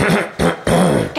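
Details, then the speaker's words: Example of throat clearing, not a true cough: effortful clearing sound without an expulsive burst of air from the lungs, as in a dry, blocked-feeling throat; throat clearing. "他在做什么？他这是咳嗽吗？对，这个他在清嗓，准备唱歌吗？这个其实不是咳嗽。我们咳嗽的反应色是会从肺部这样喷一口气出来，这个才是咳嗽。它这个动作其实叫清喉咙，"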